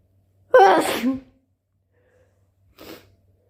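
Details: Induced wet sneezing: one loud, wet sneeze, then a short, quieter nasal burst a couple of seconds later, like the nose being blown.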